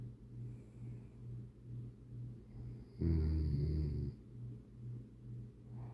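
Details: Person snoring like a grizzly bear: steady low rumbling, then one loud, coarse, low-pitched rattling burst; they were getting over a minor cold.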